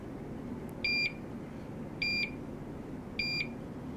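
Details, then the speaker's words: Curlin 6000 infusion pump start-up safety check after a bag change and tubing loading: three evenly spaced high electronic beeps about a second apart in a quiet room. "Now we're ready to turn the pump on. It will go through a safety check."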